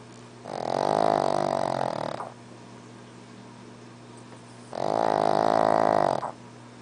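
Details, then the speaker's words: Sleeping pug snoring: two long, loud, droning snores about four seconds apart, with a steady low hum between them. "Stanley. He's still snoring."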